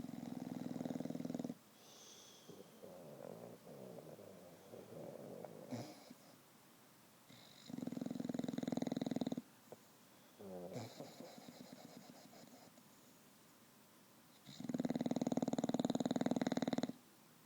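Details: Loud, rattling snores with quieter breaths between, about every seven seconds, from a bulldog sleeping after an afternoon at the dog park; snores daily, louder when tired.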